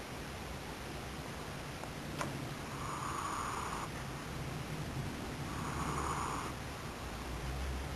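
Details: Black cat named Davis snoring: soft, steady breathing with a faint snore on each breath over constant background hiss, attention drawn to the nostrils; gentle snoring.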